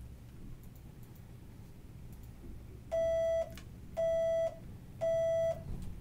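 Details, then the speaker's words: Three steady mid-pitched beeps, each about half a second long and roughly one second apart, over quiet room noise. Threshold (T-level) testing at cochlear implant activation in an 8-year-old girl, checking softest detections across electrodes. "really what we're doing is measuring what are called t levels and the tea levels um help set the soft levels for the implant and so what we're doing now is just looking at what are her softest detections of this information on various electrodes"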